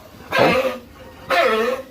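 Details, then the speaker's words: Two harsh, forceful coughs about a second apart from a 3-month-old pig during hot weather; a loud cough the farmer says needs injection treatment promptly, signalling respiratory illness. "So ayan guys kung maririnig niyo talagang yan ho ayung malakasang ubaw ay talagang kailangan nating indikan agad yan."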